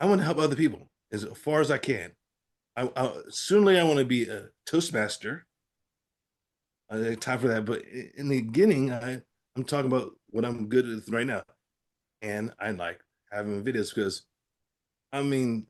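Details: Aphasia after a stroke in an adult man who was treated at a hospital after the stroke; his speech initially did not come out and he still has trouble producing the first sounds of words; finding: aphasia.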